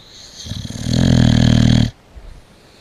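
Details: Boxer dog napping at Christmas snoring very loudly.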